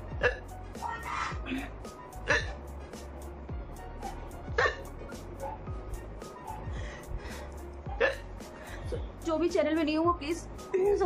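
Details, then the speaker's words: Woman with sudden, very strong hiccups: sharp hiccup sounds recurring about every two seconds, with background music and brief vocal sounds; hiccups. "एकदम से हिचकी आ रही थी तो मैंने सोचा फटाफट वीडियो बना लूं, नहीं तो हिचकी अब बंद ना हो जाएगी। बहुत ज्यादा तेज हिचकी आ रही थी तो मैंने फटाक से लेके बैठ गई कैमरा।"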